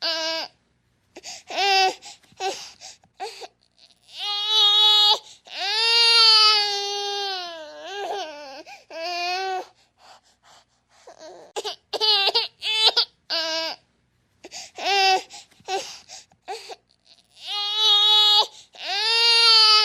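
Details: Infant crying, a sound effect: short whimpers and longer sustained high-pitched wails with breaths between bursts.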